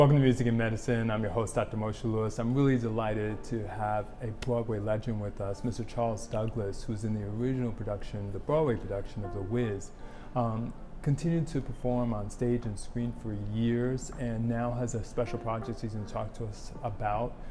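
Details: Adult male speaker; normal fluent speech.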